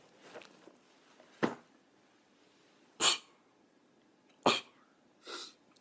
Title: Cute Japaneze girls sneezing and noseblowing くしゃみ70